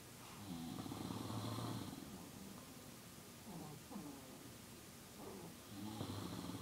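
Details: Snoring during sleep at 2AM: soft, low, rattling snores repeating over a steady background hiss; ordinary snoring.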